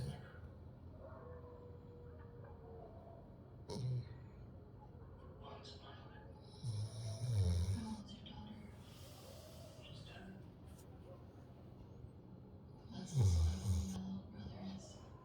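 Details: Sleeping Labrador dog snoring "like a human": occasional deep, snorting snores over steady room noise, faint background talk; snoring.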